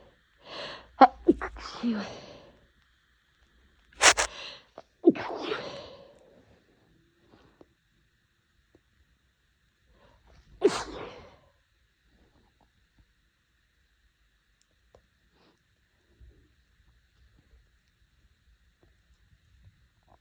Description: My nose was really bothering me the last few days and this fit seemed to never end, so whenever I felt a sneeze coming I hit record.